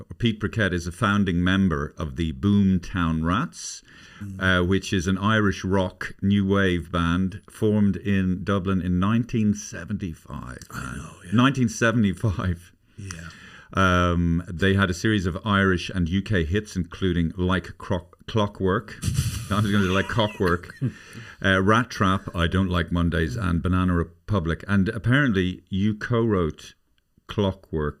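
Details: Adult male speaker, conversational interview; normal speech.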